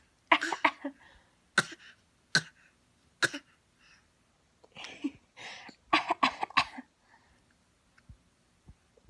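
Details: 5-month-old infant imitating her mother's coughing in play: short deliberate coughs traded back and forth; imitated cough.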